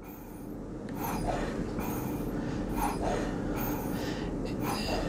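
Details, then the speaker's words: Dräger V500 ventilator in SPN-CPAP/pressure-support mode (FiO2 60%, pressure support 10 over PEEP 8 cmH2O), giving no mandatory breaths. Repeated whooshing airflow bursts as the ventilator supports simulated spontaneous breaths, shown in a respiratory therapy setup demo. "when I put this mode on by hitting enter you'll see it's no longer giving vent breaths but when they take their own breath and I'll simulate it with this"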